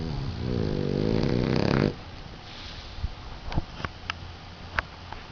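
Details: Boston Terrier dog napping: a long rattling, buzzing breath sound, then quieter breathing; snoring.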